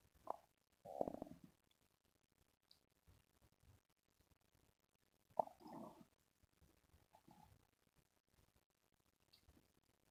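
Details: Irregular gurgling bursts in a quiet room; ordinary stomach growling (borborygmi).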